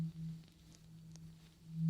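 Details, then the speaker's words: Simulated pure-tone hearing test beeps in an ASMR ear exam roleplay: steady low tones delivered through headphones that fade out and return, audiometry-style. "So I have these headphones that are gonna go in your ears or on your ears, and you're gonna hear a beep test. I'm gonna do 2 different beep tests, okay?"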